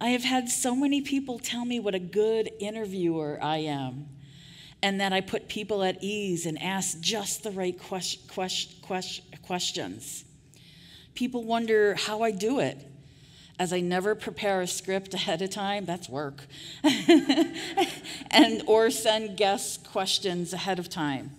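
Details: Adult woman who stutters, giving a conference keynote speech; audible part-word and word repetitions; stuttering.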